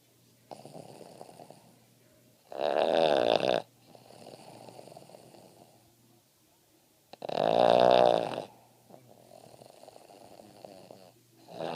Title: Boston Terrier snoring soundly